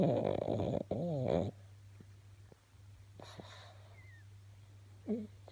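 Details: Sleeping pug dog: loud rattling, snorting breaths, then quieter room noise; snoring.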